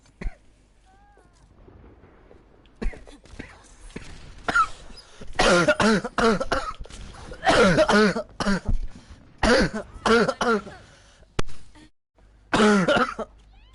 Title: hard coughing